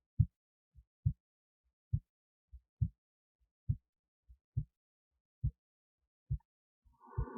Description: This is a recording of my heartbeat with an Esaphogeal Stethoscope. So the stethoscope is actually in my esophagus resting near the heart.